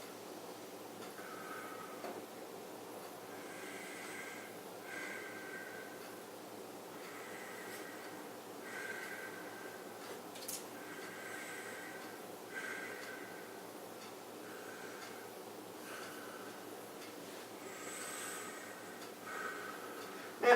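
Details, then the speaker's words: Adult male during a physical exam takes repeated deep, audible breaths in and out, about 15 a minute, on request while his breath sounds are auscultated, in a quiet room. "so i'm going to listen to him here big breath in and out"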